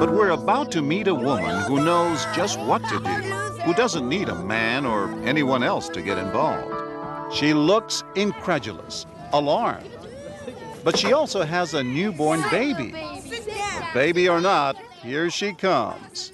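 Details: Adult male narrator; normal speech.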